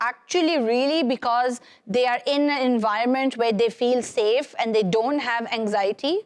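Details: Adult woman speaking; typical speech.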